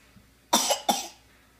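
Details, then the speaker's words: Two short, sharp, deliberate coughs from a boy making pizza, coughing on purpose onto each pepperoni as "seasoning"; cough. "Do you have to cough on each individual pepperoni, man? Yes. It's called seasoning, Dad."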